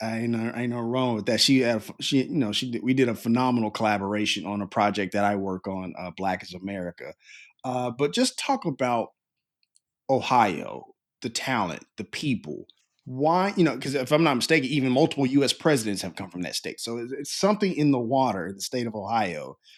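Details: Adult male speaker; typical speech.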